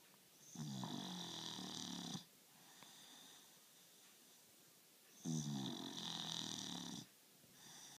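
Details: Snoring: two long, rough, fluttering snores on breathing in, about four seconds apart, with quiet breathing out between them.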